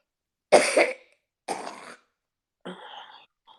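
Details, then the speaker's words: An adult with a cold who just took medicine gives three forceful, harsh coughs in quick succession with quiet gaps between them; hard chest-cold cough. "okay never fart when you're coughing this hard"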